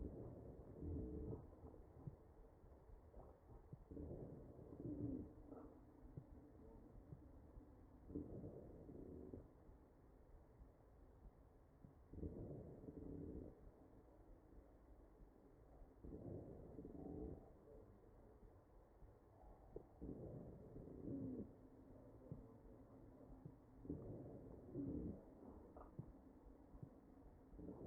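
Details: Real ventilated patient, chest auscultation: ventilated breaths about 15 a minute, with short musical whistling tones over the breath sounds; wheezing.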